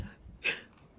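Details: A single sharp, hissy burst of air from an adult male streamer; a sneeze.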